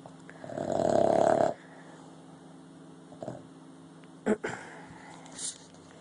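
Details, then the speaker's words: A Boston Terrier snoring, with snorts, while someone asks who is snoring. "Hey, Lou. Who's snoring? Louie, you snoring."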